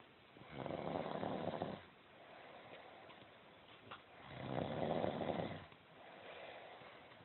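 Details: Two long, rough, rumbling snores about two seconds apart within seven seconds, quieter breathing between: snoring.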